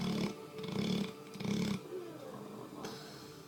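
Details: Three rough, rattling snores in quick succession, then softer breathing, from a Labrador: snoring.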